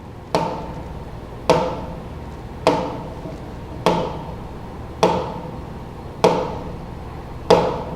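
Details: Regular pulse rhythm with similar intervals between beats, demonstrated in a vital signs semiology class.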